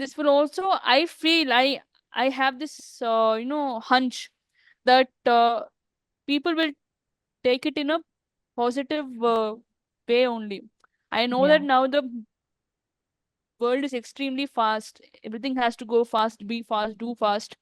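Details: Adult woman who stammers; stuttering.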